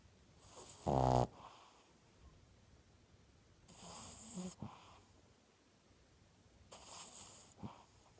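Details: Three snoring breaths about three seconds apart, roughly 20 a minute, the first a loud rasping snort, in a quiet room; snoring.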